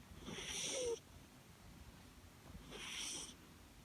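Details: Snoring from a sleeping pet cat: two hissy, slightly whistling snoring breaths about two and a half seconds apart.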